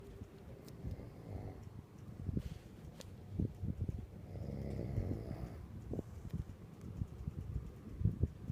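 Low, rough rumbling breaths with fluttering bursts, in a quiet room with faint background noise. Snoring.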